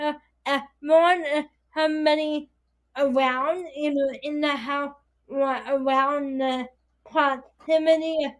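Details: Dysarthria in a 22-year-old woman with spastic quadriplegic cerebral palsy affecting her whole body, including her speech; her right side is impaired, she uses a walker or wheelchair and needs help with daily tasks.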